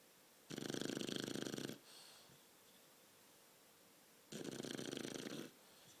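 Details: 12-week-old shar-pei puppy napping after a long walk: two long, rattling, fluttering breaths a few seconds apart, snoring.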